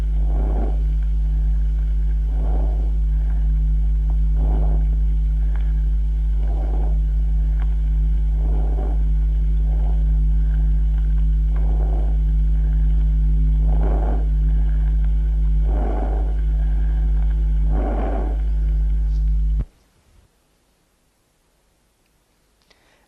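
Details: Soft, regular breath swishes, mainly on inspiration, about every two seconds over a steady low hum, heard through a stethoscope on the chest in a lung auscultation demonstration: normal vesicular breath sounds.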